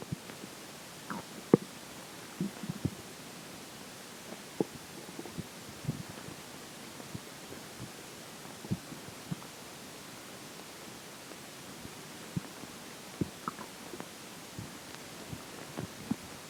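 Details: Scattered soft gurgles and brief clicks over a steady hiss, recorded during digestion as swallowed water and air take effect; ordinary bowel sounds.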